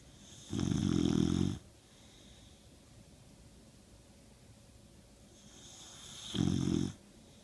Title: Snoring Lucca...